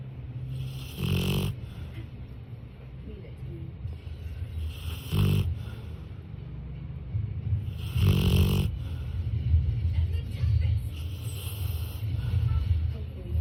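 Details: A sleeping dog snoring with loud, rattling snores, about four over thirteen seconds, each a slow noisy breath through the airway; snoring.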